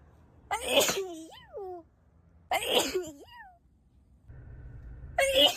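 Two sharp explosive sneezes, each followed by a brief rising-falling squeal, with a third burst starting at the end; ordinary sneezing.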